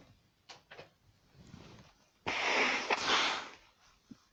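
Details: Allergic sneezing while feeling sick, with heavy nose blowing: a soft sniffing intake, then one loud explosive sneeze with a quick trailing exhale.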